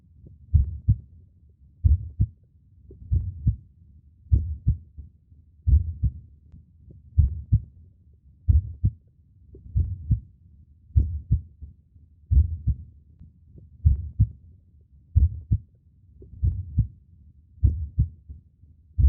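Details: Human heartbeat recording for sleep and concentration: a steady, slow, normal heartbeat with a clear two-part lub-dub, about 45 to 50 beats a minute.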